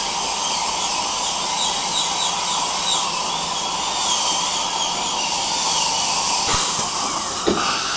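Steady high-pitched whine with hissing suction and a few clicks, like a dental drill running during a procedure.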